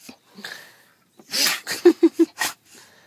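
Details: Dog having a sneeze attack: a rapid run of about five sharp, snorting sneezes in a little over a second.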